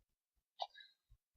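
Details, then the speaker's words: A single sharp, abrupt hiccup breaking the quiet, with a short trailing squeak. Someone has had persistent hiccups during a gameplay recording. A typical hiccup. "hold on i'm sorry i hate hiccups it's ridiculous anyways"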